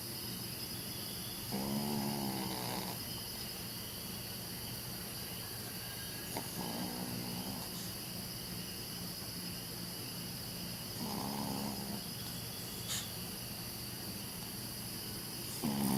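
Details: 12-year-old Chihuahua asleep on his back, who snores every time: soft, rattling snores about every four seconds, with insects chirping in the background.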